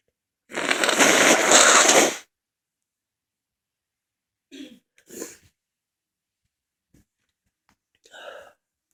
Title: Back with a lot of sneezes. Read description.